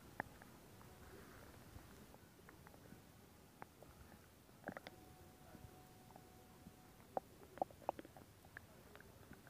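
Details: Stomach growling: quiet gurgles, soft pops and a brief tonal squeal over a hushed background; ordinary borborygmi, normal bowel sounds.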